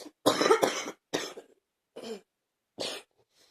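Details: Adult, still coughing, gives a run of about five harsh coughs, some fading into a short breathy tail, with brief pauses between; repeated cough.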